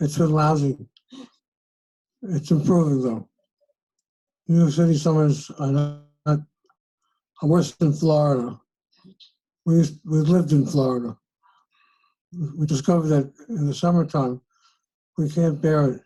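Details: Hypophonia (Parkinsonian voice) in a patient sample, breathy, a little weak and not very loud; low-volume, monotone voice as can occur with Parkinson's disease, treated with LSVT.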